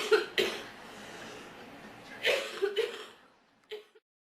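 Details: Girl whose throat hurts badly gives several short, sharp coughs, some in quick pairs, separated by quiet pauses in a small room; cough.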